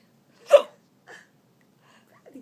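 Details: A single abrupt, voiced hiccup from an adult while playing patty cake with a young child, followed by faint small sounds in a quiet room.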